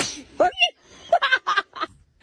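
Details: Infant girl sneezing: a quick, high-pitched sneeze, a short gasp followed by a sharp burst, then brief small vocal sounds.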